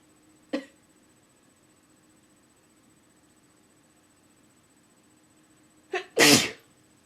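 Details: Adult, slightly stuffy, inducing sneezes with a chopstick in a quiet room: two sneezes, a short one then a forceful, slightly wet sneeze with quick lead-in; described as uber forceful, intense, wetter than usual.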